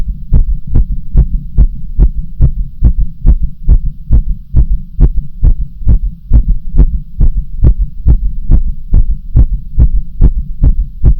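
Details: Heartbeat: strong, regular low thumps around 140 beats per minute over a steady hum; a fast heartbeat.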